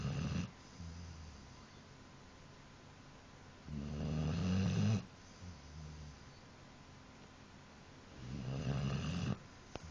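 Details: Snoring from a sleeping dog: deep, rumbling snores with quieter breaths in between.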